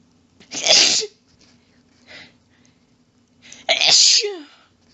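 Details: Female, in a long fit of really rapid quadruple sneezes with some coughing from losing breath: two forceful, explosive sneezes with a fainter one between; sneezing fit.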